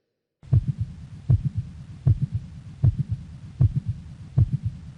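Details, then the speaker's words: Mid-systolic click recorded at the cardiac apex: regular heartbeat near 78 a minute with a loud, sharp extra sound in systole, too loud to be a gallop. "the answer is that you are indeed dealing with the sound in systole now it's sounding sister is by definition a click"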